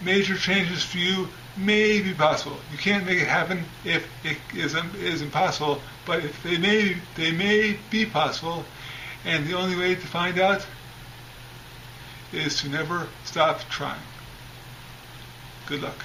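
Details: Adult man with a brain injury more than 10 years ago and a three-week coma; his speech is still improving and he uses a voice recorder as a tool; acquired speech impairment after traumatic brain injury.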